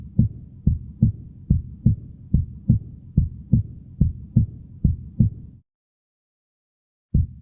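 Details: Regular low-pitched heartbeats at about 70 a minute with clear first and second heart sounds and no added noises: normal heart sounds (S1 and S2), teaching recording.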